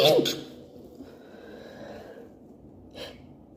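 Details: Allergy sneeze attack: a loud sneeze burst, then a quieter nasal sniff or second sneeze; allergic sneezing.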